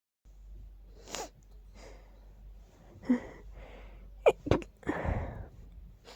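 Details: Sneezes put down to dust: soft sniffs and breathy sneezes, ending in a short cluster of sharp sneezes; sneezing.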